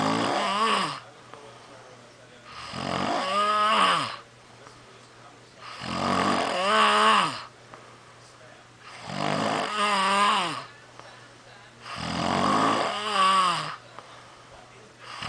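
Regular, loud, vibrating snores about 19 times a minute, each rising and falling in pitch, separated by quiet pauses.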